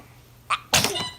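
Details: Baby sneezing: a short in-breath followed by a single small, sharp sneeze; an ordinary infant sneeze.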